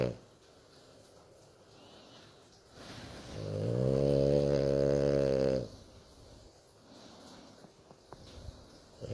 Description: French Bulldog Lady sleeps snoring with happiness. Of course, I stroke her, and she's crazy. You can snore and grunt with happiness.